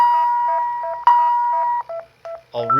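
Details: Philips defibrillator charging for a demonstrated synchronized cardioversion for narrow complex unstable tachycardia: steady tone with repeating beeps, then a rising charging whine after resynchronizing at 50 joules before clearing and shocking.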